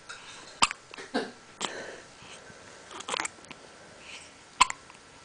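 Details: Hiccups in a girl who gets them very often: two sudden, sharp hiccup clicks about four seconds apart, with faint breathing and rustling between.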